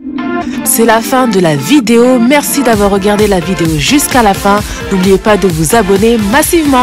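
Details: Adult speaker; normal voice.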